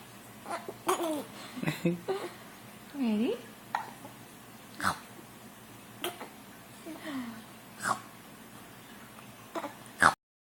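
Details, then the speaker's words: An infant vocalizing in a quiet room has several short, sharp, irregularly spaced catches in the voice; hiccups. "Oh no. Oh, hiccups. He gave you hiccups."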